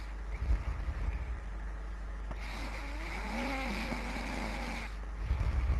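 A rough, rumbling snore lasting a few seconds, heard over steady low background noise.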